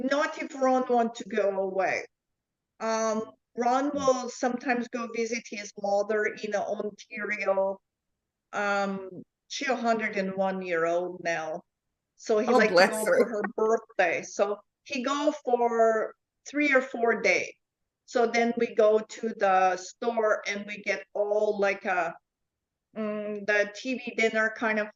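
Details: Adult woman with foreign accent syndrome since July 2010, after an event that year, diagnosed by a neurologist; accent shifts (Chinese, Irish, South African, Dutch-sounding); also memory, number and comprehension deficits; foreign accent syndrome.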